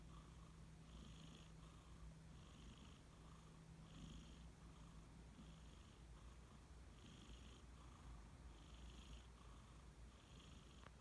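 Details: Sleeping cat snoring: quiet, steady low rumble with soft rhythmic breathy pulses on each breath, easily mistaken for purring.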